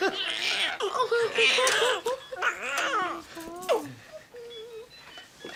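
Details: Brief, high, wavering cries from a newborn girl just after birth, with soft adult voices and room noise.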